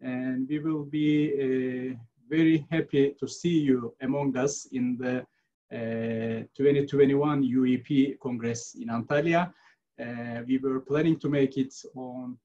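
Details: Adult male speaker; Normal speech.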